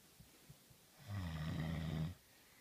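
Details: Husband who denies snoring, recorded snoring: a single deep, rumbling snore lasting about a second in a quiet room.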